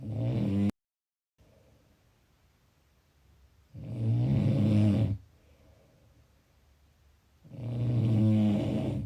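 Loud, low rattling snores on each breath in, about three in nine seconds with quiet pauses between; typical snoring.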